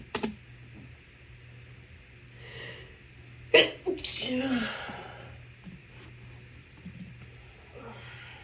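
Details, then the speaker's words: Sneeze during a COVID infection: a sharp sneeze burst followed by a breathy exhale against a steady low room hum; the person complains of a constant tickle and watering eyes. "Ugh, this constant tickle. It's making my eyes water."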